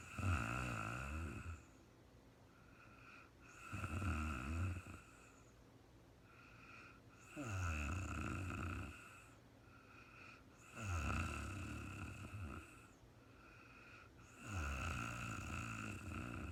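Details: Real-time recording of a woman snoring during sleep, no talking, very tired and falling asleep: steady low rumbling snores about 16 a minute, each followed by a softer breath out; regular snoring.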